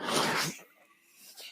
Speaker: That noise you're hearing is my ventilator.